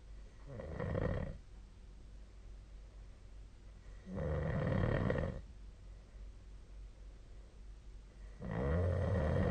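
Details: Nightly snoring recording dated 2025/02/16: three loud, low rattling snores on inbreaths about four seconds apart, roughly fifteen a minute, with quiet exhalations and faint room hiss between.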